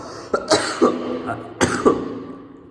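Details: Person with a persistent cough that they say gets worse when eating but is improving: a short run of harsh coughs in two clusters with throat clearing, in a quiet room.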